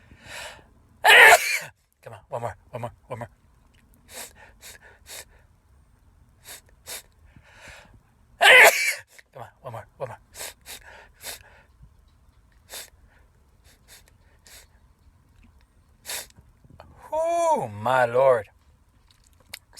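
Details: Two loud explosive sneezes with quick breaths and sniffs between them, ending in a groaning voice; part of a long run of repeated sneezes.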